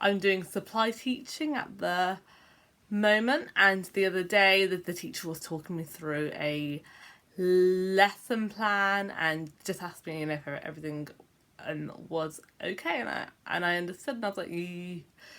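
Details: Adult man with a self-reported stammer: stuttering.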